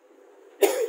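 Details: A single loud, harsh cough bursts out after a faint steady background hum, labelled as pertussis (whooping cough); cough.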